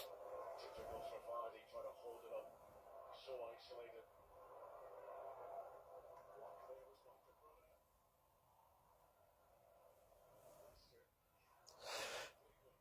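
Muffled talk in the background, then one forceful, hissing sneeze near the end; a single sneeze.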